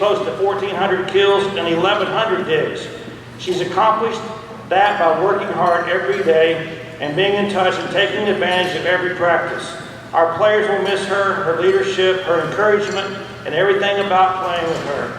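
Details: Adult speaker in a large hall; normal voice.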